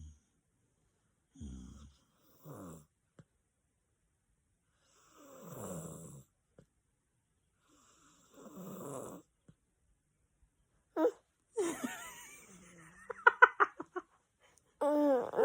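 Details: Imitated snoring mimicking how daddy snores: several rough, buzzing inhaled snorts, followed by brief laughter and voices.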